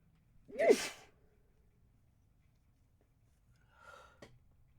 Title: Harsh Sneezes